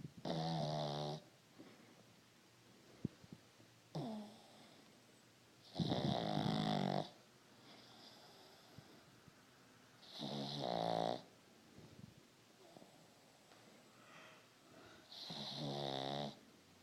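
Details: Pug snoring: loud, rough, vibrating snores on each in-breath, about one every four seconds, with quiet pauses between them.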